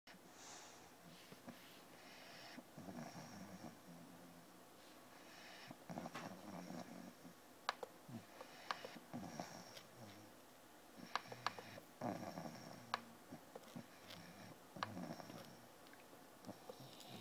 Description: Teddy the English Bulldog is sleeping on his mommy's computer and not wanting to go up to bed yet.